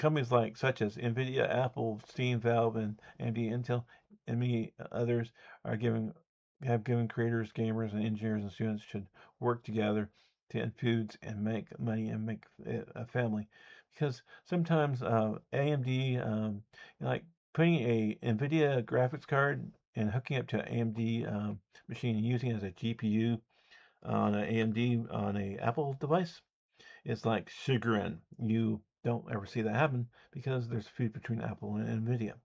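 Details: Adult man who says he has an audible speech impediment; speech impediment.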